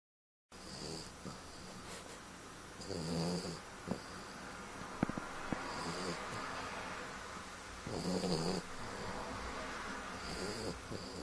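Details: Two-year-old French bulldog asleep: rhythmic, rough, snorting breaths about every five seconds, with small clicks and background noise; snoring in a flat-faced dog.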